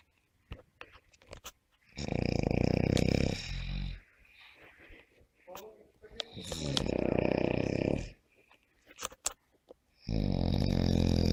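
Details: Loud, rough, rattling snores with quieter breathing and clicks between them; snoring during sleep.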